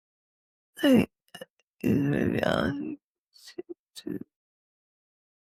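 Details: Adult woman with multiple system atrophy, cerebellar type (MSA-C): slurred dysarthric speech (multiple system atrophy, cerebellar type).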